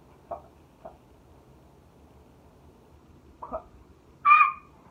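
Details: Teenage girl with Tourette's, simple vocal tics while describing a period of really bad tics; simple vocal tics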